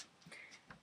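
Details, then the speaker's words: Bad hiccups give two abrupt, sharp, squeaky, clucking chicken-like vocal bursts under a second apart, completely involuntary: hiccups. "they get really kind of like chickeny you know that sounds like a chicken cluing or something so as you can hear I'm doing this hi uping completely involuntarily"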